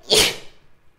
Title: sneezing 2 (sample)